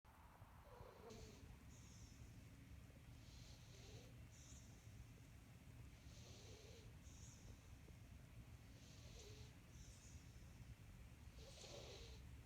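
Soft rhythmic snuffling breaths about every three seconds over low steady rumble; a cat snoring.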